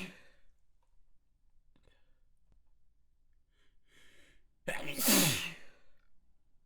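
Quiet breathing and a soft in-breath, then one loud wet explosive sneeze trailing off.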